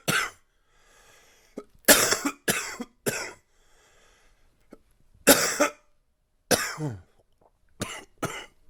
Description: Here's some more coughing from my current cold...mostly chesty with some congestion.